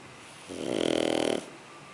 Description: Snoring Shar Pei puppy - Sugar!